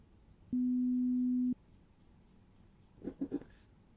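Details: A steady one-second pure tone beep followed by faint soft rustling, played in a simulated ASMR hearing-exam role-play beep test; pure-tone audiometry beep.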